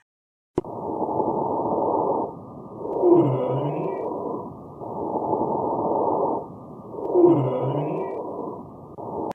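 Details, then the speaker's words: Wheeze: high-intensity whistling sound, muffled breath sounds about 15 breaths a minute with a musical tone each cycle; respiratory assessment teaching for paramedics. "So V's is a, that is a high intensity sound. So you can see the large waves, that is a high intensity, high loudly sound."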